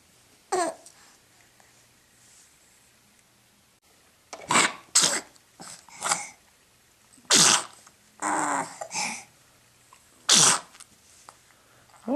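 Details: An easy-going infant at home gives several quick, high-pitched sneezes while playing, clearing the sinuses; ordinary sneezing.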